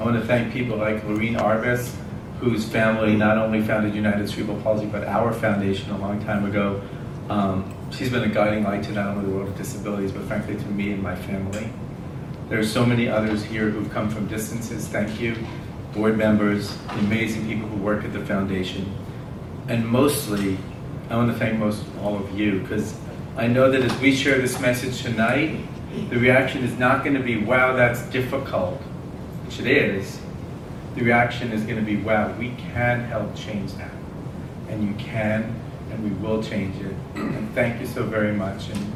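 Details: Adult male speaker; typical speech.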